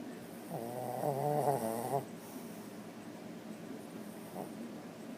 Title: The snoring dog